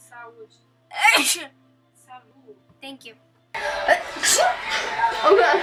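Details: A sudden loud sneeze amid brief talk in a sneezing compilation, with others saying "bless you", followed by louder noisy background.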